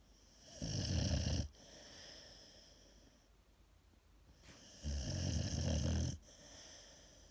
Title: MAX The AmStaff 😍comfortably snoring on an electric blanket